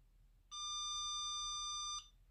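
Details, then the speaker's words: Enraf Nonius Endolaser 120, 800nm cluster-probe low level laser therapy to the plantar fascia for plantar fasciitis: single sustained high-pitched beep, about 1.5 seconds, as the timer reaches zero, treatment-complete warning tone. "the warning sound to say that the treatment is finished"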